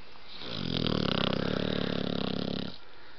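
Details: Blue nose pitbull puppy Roxie snoring: a single long, low, rattling snore of about two seconds with a fluttering buzz through it.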